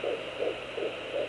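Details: Fetal heartbeat on a home Doppler at 11 weeks 4 days of pregnancy, heard as rapid, regular whooshing pulses; readings were 174 and later 145–159 beats a minute, after about 180 on an earlier ultrasound.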